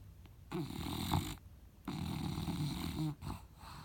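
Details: Dog snoring while asleep: loud, rattling snores on each breath, about two full breaths in a few seconds; harmless snoring.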